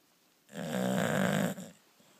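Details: A single long, rough, rattling breath noise with a low buzzing vibration during sleep; snoring.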